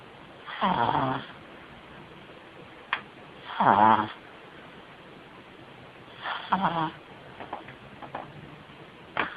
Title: Stewie the pug puppy snoring